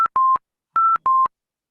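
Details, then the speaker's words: Rapid repeating two-tone electronic beeps: high-priority alarm from a mechanically ventilated patient on pressure control ventilation with low tidal volume and high respiratory rate; alarm should not be silenced before bedside clinical check. "mechanical ventilation and your ventilator gives an alarm sound like this okay you can see the title volume is low it's a pressure control ventilation so there is no question of pressure going up"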